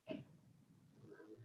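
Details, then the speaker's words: A dog's short, rough snort followed by a low fluttering breath, heard faintly in a quiet room behind a speaker's talk during a city council session; dog snoring. "of course you can hear my dog snoring again because every time i talk the dog's got a store in the background"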